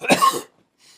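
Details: Elderly man with coughing and lung congestion, said to be improving, possible lung infection not ruled out: one short, harsh congested chest cough, then silence and faint breath noise.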